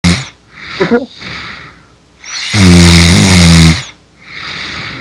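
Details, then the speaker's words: A friend who fell asleep during a Skype voice call in an online game: one loud, vibrating snore on an in-breath between quieter noisy breaths, remarked on as getting louder; snoring. "Ooh, you're snoring louder."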